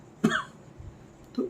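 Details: One short, sharp imitated cough demonstrating a single-bout cough, followed by a faint start of a second sound in a quiet room.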